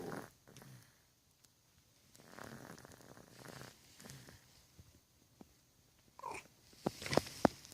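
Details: Cat sound asleep, possibly snoring as the owner wonders.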